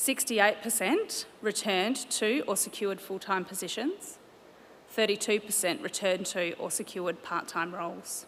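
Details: Adult woman; Normal speech.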